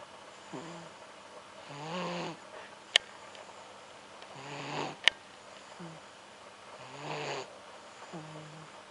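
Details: Soft, regular snores about every 2.5 seconds, fluttering breath in and gentle breath out, with two sharp clicks; snoring.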